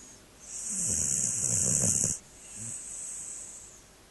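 A loud rattling, snorting inward breath followed by a softer, whistly outward breath: a dog snoring.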